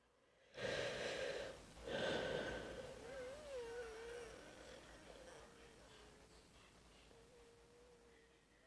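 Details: Person who has lost their voice, wheezing the way they sound at night: two noisy breaths, then a drawn-out, whistling musical wheeze that wavers and fades.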